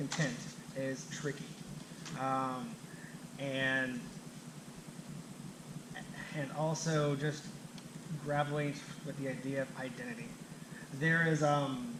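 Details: Adult who stutters, himself a clinician specialising in stuttering and fluency disorders; stuttering during public speaking that he reports makes him anxious.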